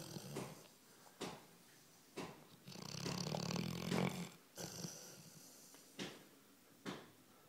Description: Harley, my 12 month old Labrador, has some serious snoring issues. This was a mild session with his tongue out.